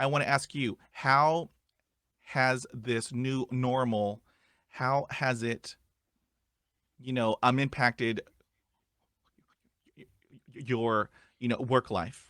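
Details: Stuttering in an adult man who stutters, asking a question as a podcast host.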